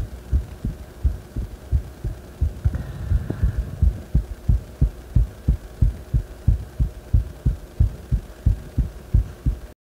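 Regular, strong low thumps at about 90 beats a minute, with a faint hum in the background: a quickened heartbeat after exercise.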